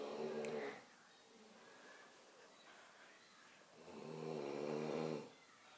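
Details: Older sister snoring: two buzzing, tonal snores on breathing in, separated by quiet breathing.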